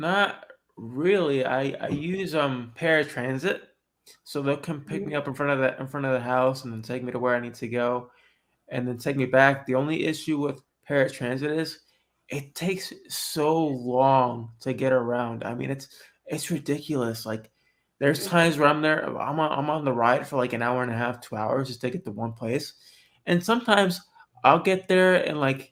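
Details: Adult man born with cerebral palsy who says he talks differently from others; mild dysarthria in cerebral palsy.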